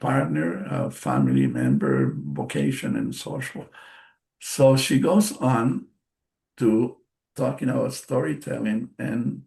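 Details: Adult bilingual man, non-native English speaker, with aphasia after a stroke in March 2020: post-stroke aphasia.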